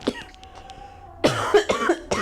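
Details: About four short, dry coughs in quick succession from a female lecturer during a recorded calculus lecture, with faint room noise before; coughing.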